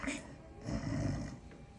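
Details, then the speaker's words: Adult female patient lying in dental chair, lips closed, snoring on request during fitting of custom anti-snoring oral appliance (mandibular advancement, George Gauge); single low, rough, rattling imitated snore. "Cierra los labios y trata de hacer sonido de ronquido. [resoplido] Trata de hacerlo duro. Trata de roncar."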